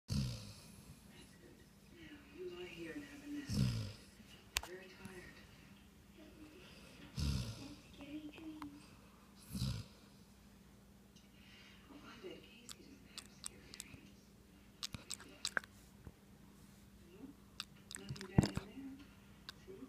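Soft, intermittent low snorting snores separated by long quiet gaps, with faint room noise and clicks: light snoring.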